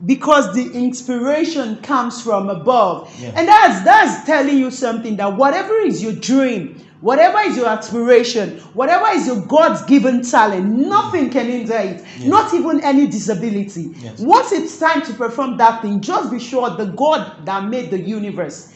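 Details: Adult speaker; ordinary speech.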